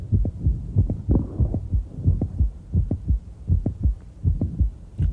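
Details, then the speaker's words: Mid-systolic click of mitral valve prolapse in a female patient, heard as she squats and stands: squatting raises ventricular volume and the click softens and moves later; standing slides it back next to S1 with a brief mid-systolic murmur. "so we'll listen to her click as she squats and stands very difficult to appreciate right next to the first turk sound"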